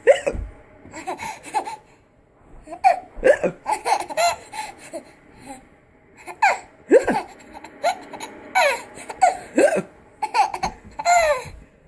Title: Hiccups are funny